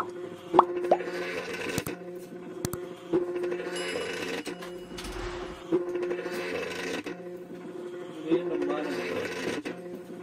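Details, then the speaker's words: DIY low-cost Arduino emergency ventilator for COVID-19: a stepper motor presses a manual bag-valve-mask bag, with adjustable settings. Rhythmic pressing cycles at about 23 a minute, with motor whirring and clicks, now pressing harder as pressure is increased. "The working starts now. As you can see Now it started pressing harder than before. Basically we are changing pressure."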